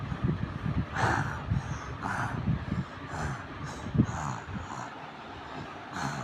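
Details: Snoring from a sleeping person, who also answers when spoken to, with hands and feet moving during sleep.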